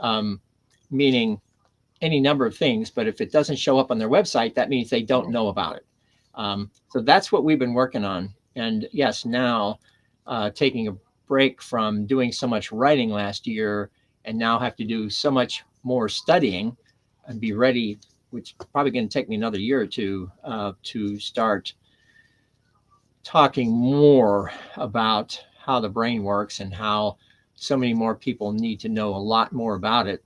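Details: Adult man with aphasia caused by stroke; first stroke on September 26, 2011, three strokes in all. Initially could not read, write or speak well, with grammar and syntax damaged. Had seven months of formal speech therapy plus an aphasia group. About ten years later he still has aphasia, though speech is greatly improved. Aphasia.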